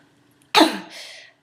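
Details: Phonic tic in Tourette syndrome: a single abrupt, explosive cough-like burst with a breathy tail.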